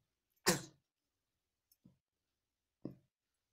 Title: baby is sneezing #cute